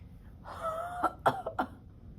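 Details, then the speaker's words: 52-year-old woman with cystic fibrosis in acute pulmonary exacerbation (simulated practical), after chest physiotherapy vibrations: long breathy huff then three short coughs bringing up mucus to clear secretions. "Okay, so as you can see, she's coughing quite a bit, and this is great because she is able to get this mucus up, and the chest PT is actually helping with that."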